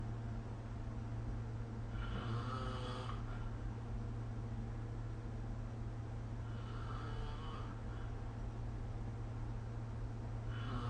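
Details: Adult snoring in sleep, recorded with the SnoreLab smartphone app: soft, rough snores every four to five seconds over a steady low hum.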